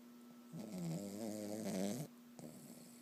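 A single drawn-out, tonal snoring breath with a whistling, wavering pitch from a sleeping dog, over a faint steady room hum.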